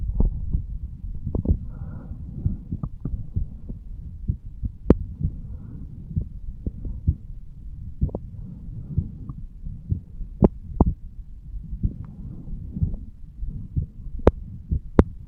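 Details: Low, muffled heartbeat thumps with faint whooshing flow sounds between them, self-recorded over the aortic valve area by a 35-year-old male lying on his side: heart sounds at the aortic area.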